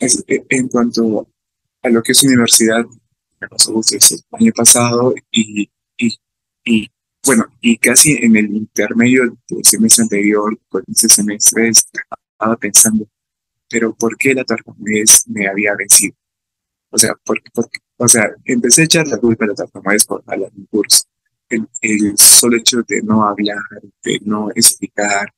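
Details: Adult man with real stuttering, speaking Spanish about his own experience, who reports fear of stuttering when participating in class; stuttering.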